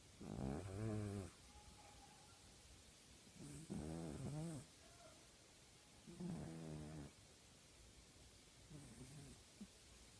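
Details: Sleeping female tabby cat snoring: four loud, rattling snores about 2.5 seconds apart with quiet breathing between them.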